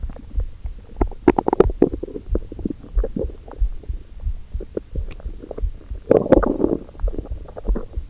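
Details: Adult's abdomen first thing in the morning before breakfast: irregular gurgling and low rumbling with bubbly bursts, loudest mid-clip and near the end, hunger borborygmi.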